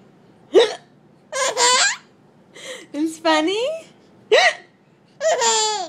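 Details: A couple of short, sharp hiccups from the mother, each followed by bursts of laughter from her 6-month-old baby boy; ordinary adult hiccups.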